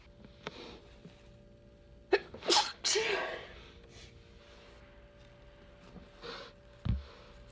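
A quiet room with a short sharp inward catch, then a loud burst of sneezing, followed later by a smaller sneeze-like puff.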